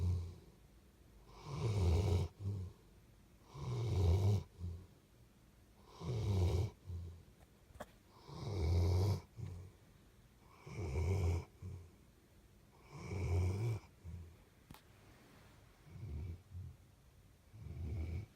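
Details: Sleeping subject snoring: loud, rattling, low-pitched snores with each breath, about 26 a minute, fairly regular, in a quiet room.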